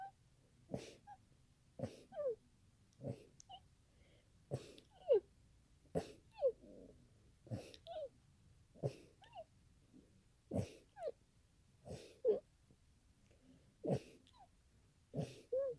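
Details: A sneezing fit, described as the longest one experienced: about eleven sharp, explosive sneezes in quick succession, each followed by a brief catch of breath.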